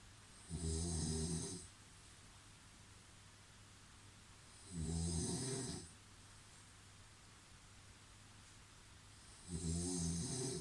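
Three loud, rough snores on breathing in, about 13 breaths a minute, with quiet breathing out between. Heavy, regular snoring.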